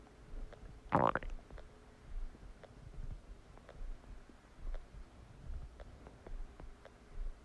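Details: Stomach after eating a cheeseburger: soft gurgles and a brief louder gurgling burst against quiet low background noise; ordinary digestive borborygmi.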